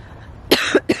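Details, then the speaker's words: Adult woman who was coughing all night and couldn't sleep, filming outdoors: three quick harsh cough bursts in close succession after choking on air, with faint room noise before them. "There's the cough."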